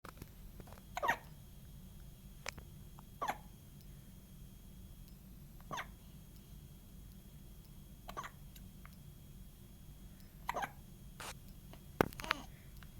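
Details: Infant with soft, abrupt hiccups recurring every second or two against quiet room hum; hiccups.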